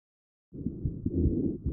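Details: Rhonchi recorded with a StethoMe electronic stethoscope and classified by AI: a low-pitched, continuous, tonal rumbling from mucus, heard in both inspiration and expiration.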